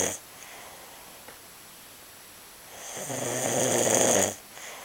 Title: Snore Monster